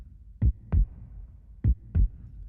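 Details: Simulated heartbeat synthesized in software (Serum and Logic Pro X), not a real recording: four dull low thumps in two lub-dub pairs, roughly 50 per minute, mimicking systole and diastole.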